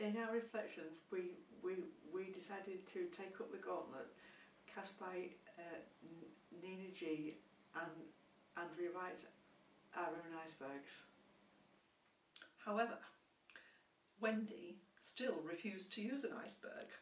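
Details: Adult woman who stammers and is a former speech and language therapy client; stammering.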